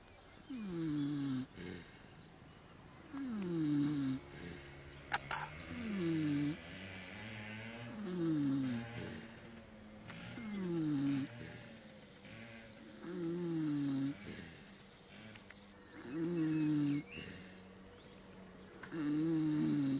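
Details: Afternoon nap in a puddle, snoring: loud, rough, tonal snores on each breath in, about 22 a minute, fairly regular; heavy snoring.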